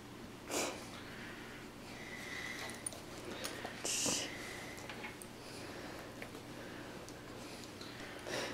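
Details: A Great Pyrenees puppy in a quiet room gives a few sharp nasal snorts and sniffs in a short snorting or sneezing burst.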